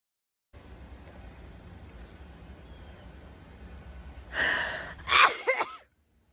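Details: Woman sneezing with flaring nostrils after an itch: quiet room hiss, a sharp inhaled build-up, then one forceful explosive sneeze with a short trailing vocal release.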